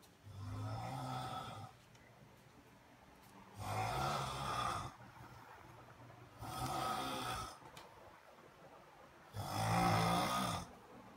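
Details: Man's loud snoring in bed at night, heard through the house, recorded by his wife from downstairs to the bedroom: four loud, deep, rattling snores about twenty a minute with quiet breathing between; heavy snoring.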